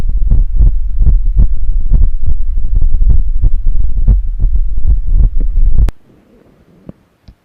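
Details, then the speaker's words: Speaker's own heart heard through a Bluetooth digital stethoscope connected to a laptop: loud deep lub-dub at roughly 85 beats a minute over low hum, without the rubbing sound of the earlier patient; normal heart sounds. "अभी जो आपने आवाज़ सुनी ये है normal heart sound."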